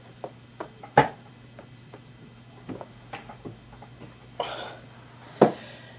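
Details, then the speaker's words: A series of quiet, sharp pops and clicks, about 8 cracks, during self-manipulation of the back using a chair; back joint cracking. "I doubt you heard any of those, but those were about 8 cracks, guys. So that's how I like to crack my back."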